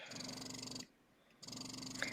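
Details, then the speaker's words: Motif Luna breast pump in expression mode, which mimics a baby's short, fast suction at the start of a feed, at suction level 6 of 12: rapid buzzing motor pulses in two bursts with a short pause; noticeably audible. "there's definitely noticeable sounds so if you are looking for a pump that has absolutely no noise and it's discreet this may not be the best for you"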